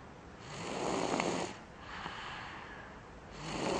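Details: Snoring during sleep: long, rough, noisy breaths rising and falling with slow breathing.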